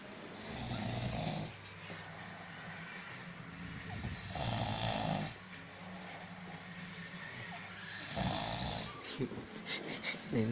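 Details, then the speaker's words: Loud, rattling snores with each breath in, about 16 per minute, from sleeping adult friends that keep the recorder awake: snoring. "Dan aku nggak bisa tidur gara-gara ini, teman-teman pada ngorok sampai udah nggak kuat dah. Pengen tahu ngoroknya kayak gimana."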